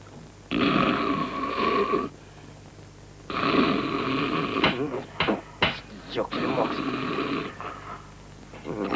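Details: Snoring scene from the film The Family Man: loud, irregular, rasping snores on each breath, with snorts and smacking sounds between them.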